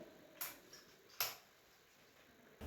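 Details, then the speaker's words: Two sharp plastic clicks as a Diskus dry powder inhaler cover and lever snap into place, readying a dose; counseling demonstration for a moderate persistent asthma patient. "Dan setelah itu jangan lupa ya, Ibu untuk e diskusinya ditutup kembali hingga berbunyi klik."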